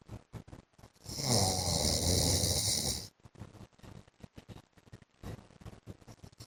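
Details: Adult man snoring during sleep, repeated snores and snorts: snoring.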